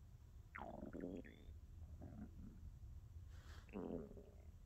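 Low gurgling growls and squeaky rumbles from a hungry stomach, ordinary bowel sounds.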